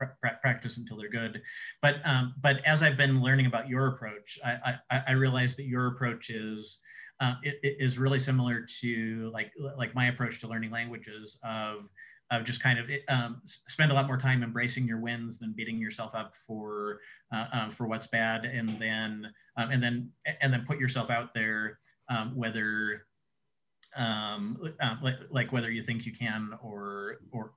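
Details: Adult man who says he has cluttering, a fluency disorder often contrasted with stuttering, speaking in an interview; cluttering.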